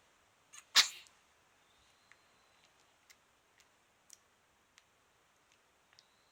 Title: 赤ちゃん 生後54日目 くしゃみ